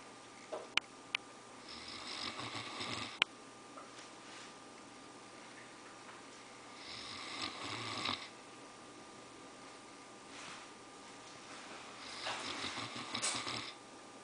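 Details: Newfoundland dog sleeping after a long hike, snoring: three slow, raspy breathing noises several seconds apart with quiet pauses, in a quiet room.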